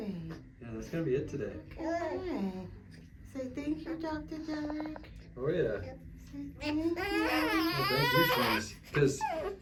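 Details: Infant's first chiropractic adjustment, laid back with head propped up: intermittent fussing cries rising into a sustained wail near the end, with soft reassuring adult voices in a small room; infant cry.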